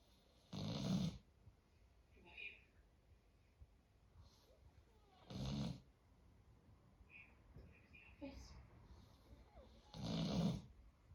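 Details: Snoring in a sleeping Doberman: slow, regular rumbling breaths at about 13 per minute, with soft room noise between them.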